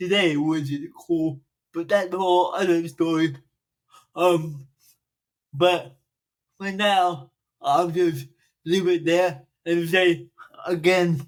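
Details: Adult man, 42, with dysarthria from cerebral palsy present since birth, which he says affects his speech; he makes extra effort to enunciate and speak louder and more slowly for recordings.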